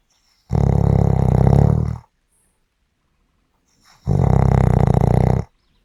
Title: 5 Minutes of snoring Audio